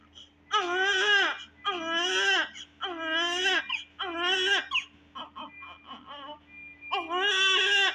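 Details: 3 kg full-term newborn baby girl: strong, rhythmic crying in repeated loud bursts with brief breaths between, then softer whimpers; normal vigorous newborn cry.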